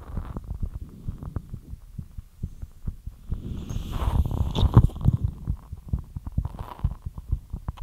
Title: ASMR FAST HEARTBEAT LIGHT EXERCISE